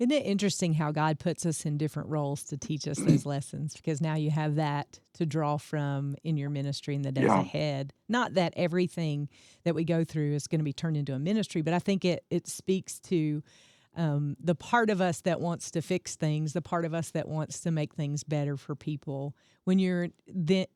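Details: Adult speaker; normal speech.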